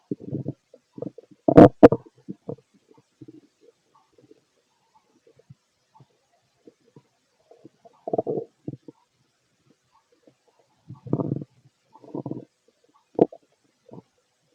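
Scattered short gurgles and squelches separated by quiet gaps; normal bowel sounds during digestion.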